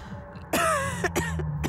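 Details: A cough heard in a cough spray advertisement.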